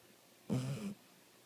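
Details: Sleeping dog snoring: a single short, low rattling snort.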